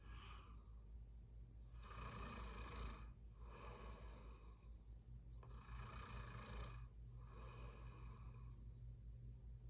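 Four long, loud rattling breaths in about ten seconds, each lasting around a second, with quieter gaps between them; typical snoring during sleep.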